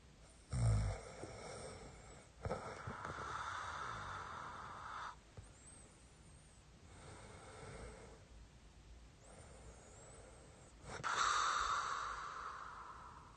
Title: Keeping wife from sleeping with snoring(코고는 소리로 와이프 재우기)